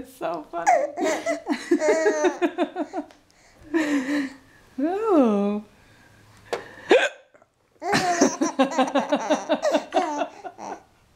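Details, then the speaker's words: Mother with hiccups: laughter and chatter broken by a sudden sharp hiccup, with her infant laughing along. "Oh, Mom's got the hiccups"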